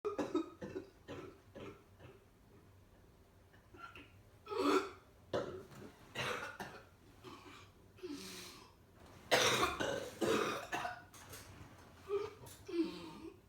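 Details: Repeated harsh coughs and throat-clearing bursts in a quiet room, with brief breaths between; cough.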